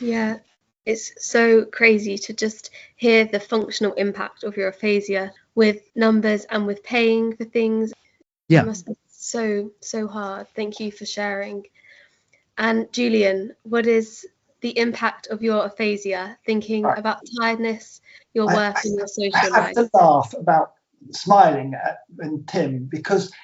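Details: Adult woman; typical speech.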